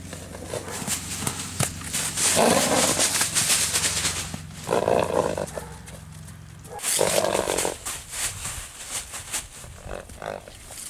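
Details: A 3-year-old bay purebred Arabian filly, born 2018, gives several forceful, rumbling snorts through the nostrils on returning from the paddock, against outdoor background noise: horse snorting.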